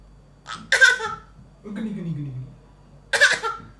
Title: Baby Fake Cough